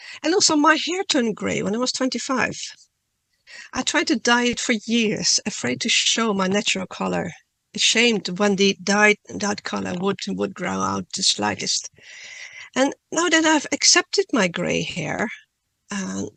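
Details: Adult woman who stutters, reading a prepared talk aloud, with part-word and word repetitions: stuttering.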